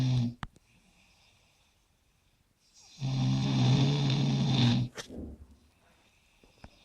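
Loud, vibrating snore on the in-breath, followed by a sharp snort and quiet pauses between breaths: heavy snoring.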